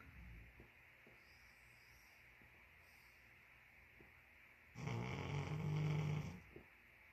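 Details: Sleeping Great Pyrenees dog, tired: faint breaths in a quiet room, then one loud, low, rumbling snore lasting over a second.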